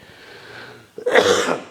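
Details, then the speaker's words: Adult with chest congestion, saying mucus in the lungs causes wheezing on every half-deep breath, has had this before; a single harsh, mucus-laden cough burst after a quiet pause. "got this horrible like all the [ __ ] in my lungs is causing this horrible kind of uh wheezing every time I breathe even half deeply"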